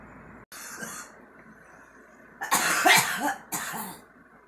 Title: girl coughing